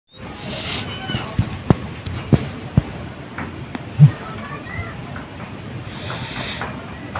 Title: SNORING CAT || AUTHENTIC CAT SOUND